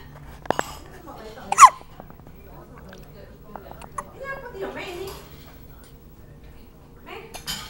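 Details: Hiccups in an infant almost 2 weeks old: a single sharp, hiccup-like squeak over quiet room noise and soft speech.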